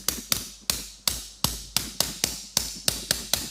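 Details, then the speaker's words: Suture anchor tapped down into hard patellar bone until fully seated at its positive stop during all-onlay MPFL reconstruction: about a dozen sharp, crisp mallet taps. "So we'll just get it started. And then we'll be able to tap the anchor down fully seated"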